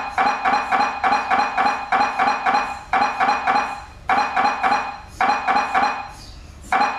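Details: MRI scanner noise: loud, rapid rhythmic knocking in bursts with pauses between them as a scan sequence runs.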